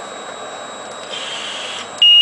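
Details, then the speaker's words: Steady machine hum, then a loud continuous high-pitched alarm when the return-air (expiratory) line is removed during ventilator training; with no return air, the machine will not deliver. "if I remove this one there is no return air machine will not deliver"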